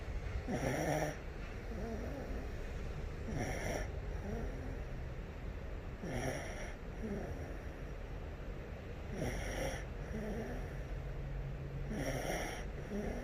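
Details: 8-month-old baby girl snoring: regular soft snoring with low rattling breaths about every three seconds, roughly 20 breaths a minute.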